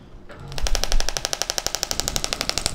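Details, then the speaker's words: Shockwave (acoustic wave) therapy applicator on the outside of the knee; compressed air drives a steel rod against the applicator head, giving steady rapid clicking pulses about 12 per second during a roughly 5-minute treatment. "so when we apply this therapy there's a steel rod on the inside of the device the compressed air shoots that rod forward and it hits the back of the applicator head at that point there's nothing going into the skin but it creates a sound wave"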